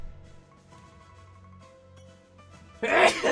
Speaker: Oh, I'm not sick. I just moved a couch, so it's really dusty in here.